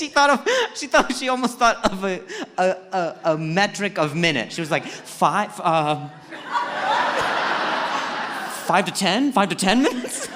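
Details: Acquired neurological stuttering in an adult man; onset at age 20 after a head injury from a softball hitting his throat, which first left him unable to speak.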